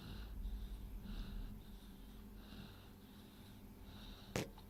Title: Snoring away